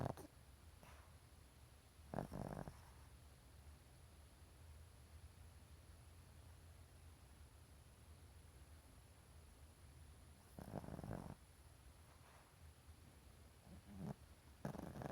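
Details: A sleeping Chihuahua gives a few short, snorty snoring breaths in bed over a low, steady background hum.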